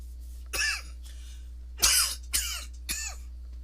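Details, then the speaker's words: An adult with a persistent cough gives four short, harsh coughs in quick succession over a steady low electrical hum. This is a cough. "And yes, you'll probably more likely hear that persistent cough all through this recording. I'm not too happy about it, but you know,"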